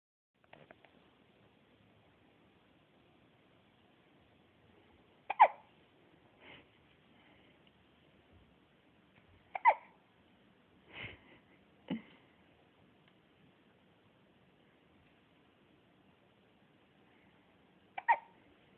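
About six brief, sharp hiccups at irregular intervals in a quiet room.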